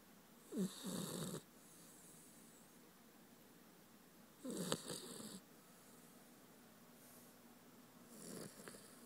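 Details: Sleeping puppy snoring like a human: soft, fluttering snores roughly every four seconds in a quiet room; snoring.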